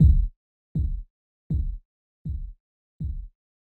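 Five low, regular thumps about 80 a minute, simulated Korotkoff sounds during cuff deflation reading 152/114.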